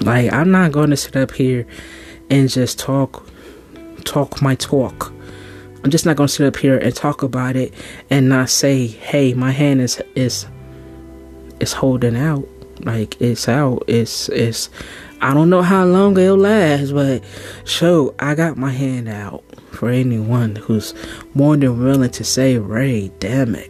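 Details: Stuttering in an adult podcast host who stuttered as a teenager; the stuttering tendencies began after childhood abuse and are still slightly present, with word and part-word repetitions during spoken poetry.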